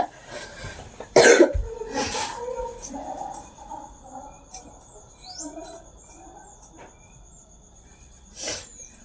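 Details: Cough from a student who has a cough and flu, recorded while getting ready for school.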